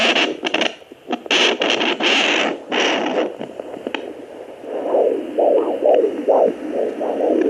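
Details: Handheld pocket fetal Doppler on lower belly with gel, 22 weeks pregnant: scratchy probe noise then fast, regular whooshing beats about 135 a minute, device reading around 130 to 140; fetal heartbeat.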